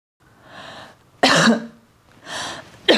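An adult draws a quiet breath, then gives a sharp, voiced cough, breathes again, and starts a second cough; an acted cough.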